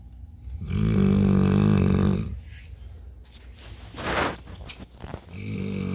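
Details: Sleeping dog in a cone collar ("radar dish of shame"), snoring: loud, deep, rattling snores on the in-breath with softer breaths between, ordinary snoring.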